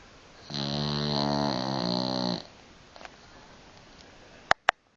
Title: Buster The snoring dog